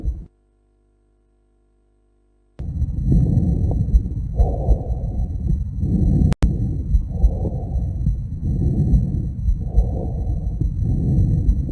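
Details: Soft, low rushing normal vesicular breath sounds rising and falling as the patient breathes calmly with mouth open; bilateral, symmetric lung auscultation starting at the bases.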